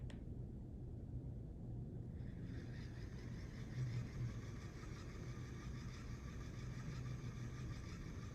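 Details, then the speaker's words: Curlin infusion pump being primed in home infusion, prime button held until medication reaches the end of the tubing: a low, steady motor whir that starts after a couple of seconds and keeps running, over faint room noise. "the prime button is down here so we're going to push that once and now I'm going to hold it down and you'll hear it start to work and you'll see the medication come through"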